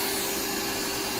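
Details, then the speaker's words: Electric rotary grinder on thick, uneven calluses on the bottom of an adult man's foot: continuous buzzing whine with steady hum, speed lowered after the patient reports uncomfortable vibration. "okay so we're just gonna grind all this down now let's start from this side"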